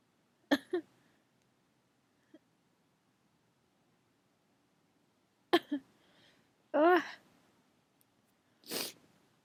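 Several brief catching breaths build up, then one full sneeze: a drawn-out sneeze.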